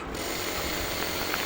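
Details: Steady mechanical buzzing hum of a home nebulizer compressor running with water in the cup, producing mist through the tubing and face mask during a demonstration of how to use it.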